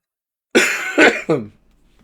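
Three harsh coughs in quick succession, the last trailing into a voiced groan, in a quiet room; a lingering post-viral cough.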